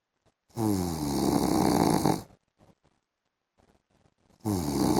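Loud, rattling snore lasting nearly two seconds, quiet breathing, then another snore begins: heavy snoring.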